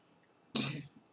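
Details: One short, harsh cough or throat-clear in a quiet room, on the first day of feeling better after three weeks of bronchitis that caused choking at night.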